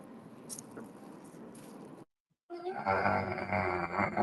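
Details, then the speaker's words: Loud, rough, rumbling snore after a stretch of hiss and brief silence, from someone in the podcast room, likened to a grizzly bear: snoring. "Fuck is that? Is somebody Me, snoring? it's my bad. That Sound is like weird."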